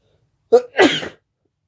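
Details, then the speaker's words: A single loud sneeze with a short voiced intake followed by a forceful burst; sneeze. "This is Halloween sneezes."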